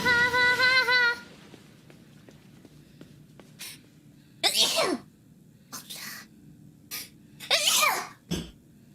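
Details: Two sharp, noisy sneezes, each with a quick inhaled build-up, separated by short quiet gaps, after a brief musical tone.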